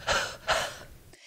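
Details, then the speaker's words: Demonstrated huff cough (forced expiration technique) for mucus clearance: two quick, forceful open-glottis breath bursts while flapping the arms, a breathy huffing without the sharp start of a reflex cough; longer huffs clear smaller airways, shorter huffs larger airways. "you do not close your glottis as in a reflex or normal cough by doing it this way it creates a huffing sound as if you were saying longer Huff exhalations help clear smaller Airways shorter Huff exhalations help clear larger Airways"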